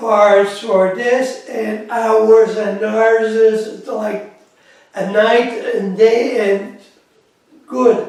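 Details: Adult man with aphasia after a massive stroke in September 2013; speech still impaired, worse as he tires.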